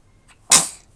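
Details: An infant's single sneeze during play with a puppy: a faint quick intake of breath, then a sharp hissing, wet burst that splatters and fades.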